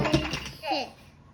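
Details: Childhood apraxia of speech in a 5-year-old girl with Down syndrome; audible segmenting between each word in a quick phrase, with lengthened transitions between words.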